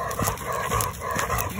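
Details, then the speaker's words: Older yellow Labrador Retriever with laryngeal paralysis, excessive panting and exercise intolerance: loud, harsh rasping inspiratory stridor on each breath in, as the larynx fails to dilate. "He has these really loud breathing sounds, and if you listen again in the video, you can hear him making that. So what's happening is he's trying to breathe in and his airway or his larynx is not dilating and expanding"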